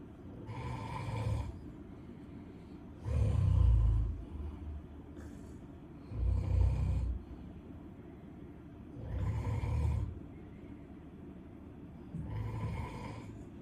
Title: Camino Snoring